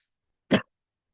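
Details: Single short, dry cough in a quiet room from a student recovering from an unspecified ailment, coughing often while studying aloud late at night.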